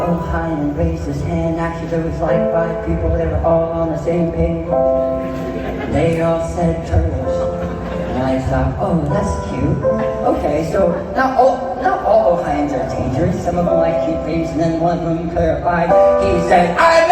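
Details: Adult man who lost 80% of his tongue to stage 4 cancer and was told he would never speak or sing again, now speaking and singing; speech after partial glossectomy.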